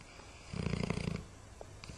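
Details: Dog snoring: one short, fluttering, rattling snore lasting under a second, over steady background noise.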